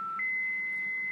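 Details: Philips MRx defibrillator in manual mode, charging to 150 joules (biphasic) for ventricular fibrillation or pulseless ventricular tachycardia: a steady high electronic tone that steps up in pitch before the shock.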